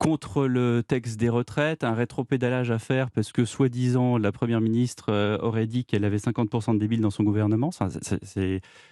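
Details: Adult male speaker; Normal speech.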